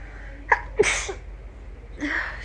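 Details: A single sharp sneeze with a quick intake before it, in a quiet room, from an adult with a cold and cough, eyes red from the cold.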